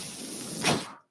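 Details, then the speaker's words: The speaker's own mechanical ventilator, heard while he talks: a steady airy hiss swells into a louder rush of air, then fades to silence, one breath cycle. "that noise you're hearing is my ventilator and welcome to page-turners they were not my stores podcast"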